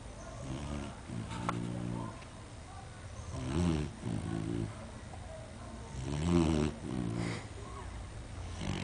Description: sugar asleep and snoring